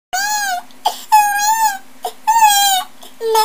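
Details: Loud, high-pitched wailing cries from children in long bursts separated by sharp catching inhalations, with a steady background hum.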